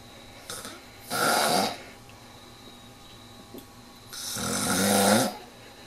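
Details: Two loud, rattling snores about three seconds apart, each on a breath in, with quiet between; ordinary snoring.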